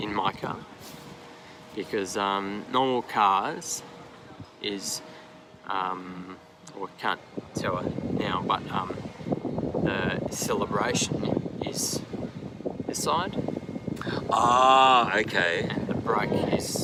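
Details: Man aged 39 with aphasia after an AVM stroke at 34, initially global aphasia, now described as more receptive, speaking English in an interview; aphasia.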